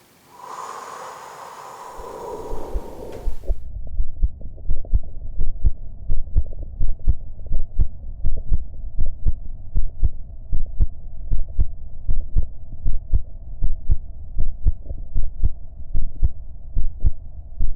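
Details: Self-recorded heartbeat during a short breath-hold: a brief breathy start, then steady low heart thumps at about 78 a minute; normal heart sounds.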